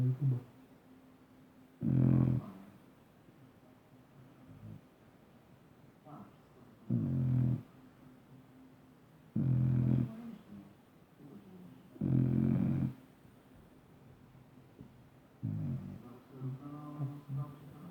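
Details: Sleeping Dobermann dog snoring: regular deep, rumbling snores about every 2.5 seconds, roughly 24 breaths a minute, with quieter breathing between.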